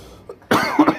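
A child's single harsh cough burst follows a faint sound, with a short voiced tail, suggesting a cold-related cough.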